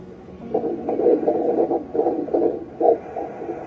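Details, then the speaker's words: Fetal heartbeat on pregnancy ultrasound Doppler, during a scan showing head and spine, sex not yet revealed: rapid rhythmic whooshing pulses, roughly 150 a minute. "Oh my god ung heart niya m parinig ko sa inyo heartbe ha"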